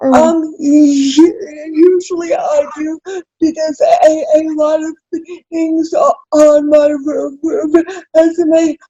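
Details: Adult woman with cerebral palsy, self-described as spastic, in real conversation; dysarthria (cerebral palsy).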